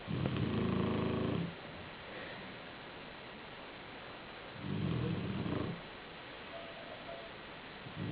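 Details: Black shar-pei dog asleep on a pillow: two long, low, rumbling snores about four seconds apart over steady room noise; snoring during sleep.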